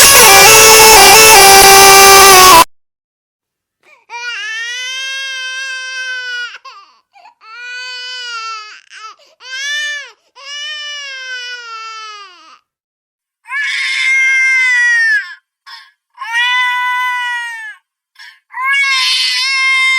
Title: Baby Crying Sound Effects